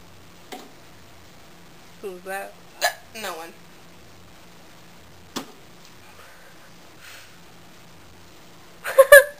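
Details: Several short, abrupt voiced gulps spaced irregularly in a quiet room, louder burst at end; a woman with hiccups that began about a minute before recording.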